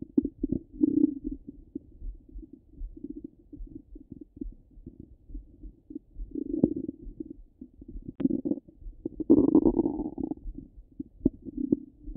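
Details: Stomach rumbling: continuous low gurgling and bubbling rumbles with louder surges; ordinary active bowel sounds.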